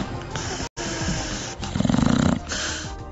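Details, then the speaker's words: Short, loud, fluttering rattle on the in-breath over background noise, from a news report on snoring that describes the uvula and soft palate vibrating on inhalation; snoring. "причины храпа может стать и ослабление мышц мягкого неба чаще всего это бывает у курильщиков и пожилых также храпят люди с хроническими болезнями носоглотки"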